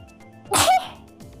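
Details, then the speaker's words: A single sharp sneeze with a short voiced tail from a streamer during a live gaming stream, over faint background music. "ah sneeze sorry a nice duck dinner"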